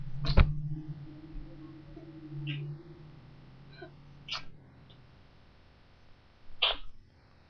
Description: sneezing a lot and trying to stifle